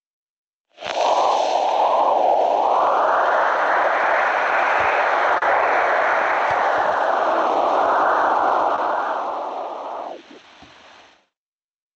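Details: Venous Doppler signal heard during an ABPI (ankle-brachial pressure index) assessment.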